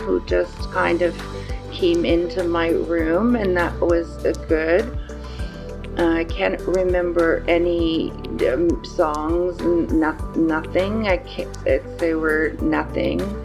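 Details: 54-year-old woman with aphasia after a stroke on November 8, in rehabilitation; word-finding difficulty and trouble with small words and word order; aphasia.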